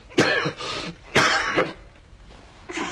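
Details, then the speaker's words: A dry cough in a dubbed comedic clip themed on catching a cold: two sharp, harsh cough bursts about a second apart, each with a shorter tail, then a third beginning. "누가 기침소리를 내었는가 말이야"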